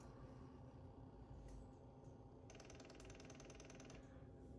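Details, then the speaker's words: ZOLL X Series capnography demonstration: a low steady hum, then a rapid mechanical rattling burst of about 1.5 s as the blocked filter line reverses airflow to push out the occlusion; occlusion purge sound. "in this case it can't suck that in because there's an occlusion so instead of pulling air into the device it reverses the airflow and tries to push it out"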